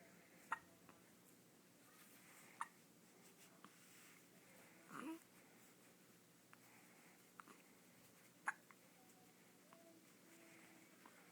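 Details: Ten-day-old baby with hiccups: brief, sharp, quiet catches recurring every couple of seconds over a quiet room hum; hiccups.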